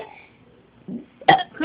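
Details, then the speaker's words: Seven-year-old boy burping repeatedly to beat his record of 30 burps: a brief low gulp, then a short, loud, throaty belch. "his record of burping um his record is 30 births um i don't know how he does it it's actually weird"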